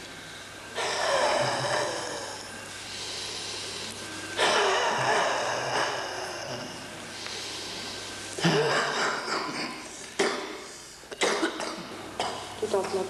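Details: Cystic fibrosis patient doing airway clearance physiotherapy, right side: two long, forceful breaths out, then several short, harsh bursts, coughing during forced expiration, over a low room hum.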